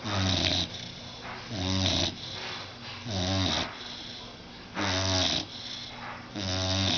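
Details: Blue nose pit bull, about 6 months old, sound asleep on a sofa after a bath: loud, rumbling snores with quieter rattling out-breaths, about four breath cycles in seven seconds; snoring.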